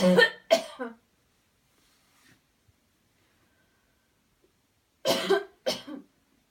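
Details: Coached airway-clearance coughing technique after counted breathing in and out and a deep breath in: two paired bursts of forceful coughing separated by a quiet pause.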